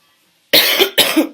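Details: Two sharp coughs after half a second of silence from an adult with a lingering cough after bronchitis the previous week.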